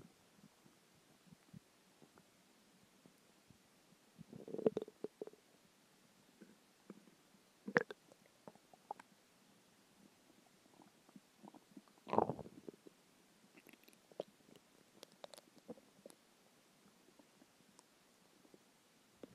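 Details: Stomach growling after skipping lunch: soft gurgles with several louder rumbling bursts from an empty stomach. Ordinary hunger borborygmi.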